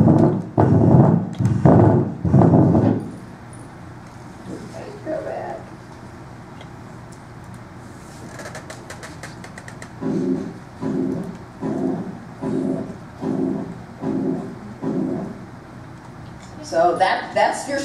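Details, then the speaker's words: Recorded holosystolic (pansystolic, regurgitant-type) heart murmur at about 85 beats a minute; a steady whoosh runs through systole in the background while the lub-dub is still audible. "so that in the background that's murmur you can still hear a love dub"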